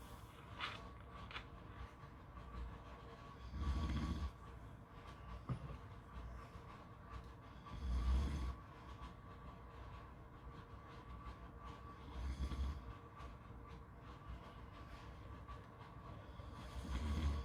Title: Beach snoring sounds